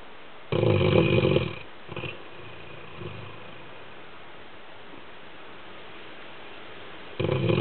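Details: Sleeping Labrador dog snoring: loud, rough snoring breaths separated by a long quiet pause.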